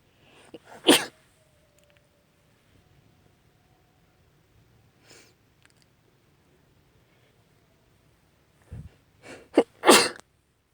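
A sharp sneeze, a quiet sniff, then a quick run of two or three more sneezes in a quiet room. Sneezing.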